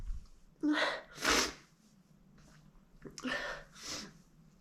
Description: So I was baking, and something tickled my nose. It made me sneeze all over the flour but instead of just throwing the flour away, I thought it would be fun to make a video where I make a complete mess